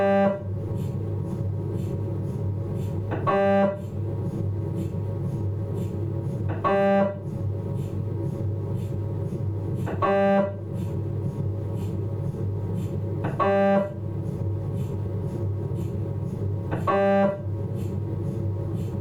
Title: MRI Sound Abdomen, Philips 1 5T